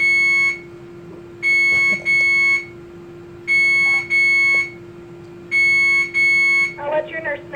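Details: Repeating pairs of loud high-pitched electronic beeps over a steady low tone, in a hospital where the person recording was just hooked up to an infusion for about 30 minutes; infusion pump alarm.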